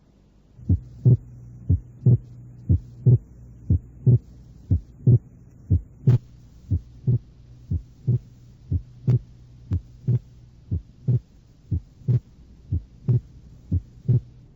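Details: Fixed splitting of the second heart sound (S2), as in atrial septal defect, in a heart-sound auscultation recording.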